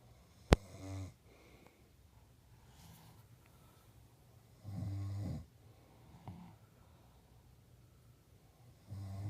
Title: Daddy snoring